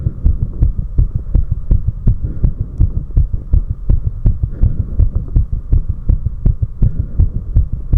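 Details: Recorder's own heartbeat after 4 minutes of step-ups: strong, regular, fast low thumps pounding hard over a steady low hum; post-exercise heartbeat.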